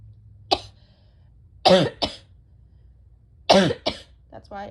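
Five harsh coughs in a quiet room, some in quick pairs, followed by a brief voiced groan; a chesty cough typical of bronchitis.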